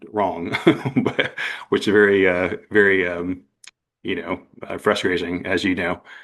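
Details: Adult man with aphasia after an accident, presenting his own story; he describes it as a long road but says he is getting much better.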